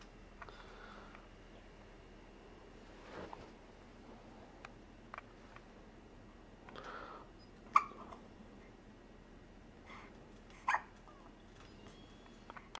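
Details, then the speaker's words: Several brief, sharp catching sounds at irregular intervals, about 20 a minute, in a quiet room: hiccups. "Hard to focus with those hiccups."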